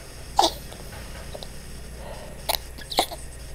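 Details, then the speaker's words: Female dog (Angel) on day 2 of transfer factor, tired: three short harsh coughing bursts; vet attributes cough to collapsing trachea plus heart, X-ray showing enlarged heart pressing on trachea. "this is the cough coughing and rushing she does which the vet said was a combination of her heart and the collapsing trachea"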